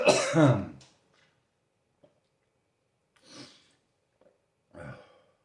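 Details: Person with stage 4 alveolar soft part sarcoma on new immunotherapy, constipated, who can't stop coughing: one strong cough with throat clearing, then a few weaker coughs after a pause in a quiet room.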